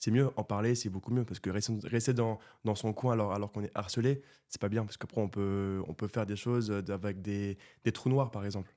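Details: Stuttering in a 24-year-old man who has stuttered since birth; it was severe in childhood and treated with speech therapy, and he now stutters mainly under stress and only a little in this conversation.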